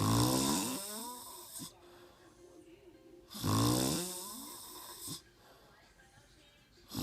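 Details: Person snoring; loud, low rumbling snores with a whistling edge, two long breaths in seven seconds, roughly 17 a minute, quiet between; snoring.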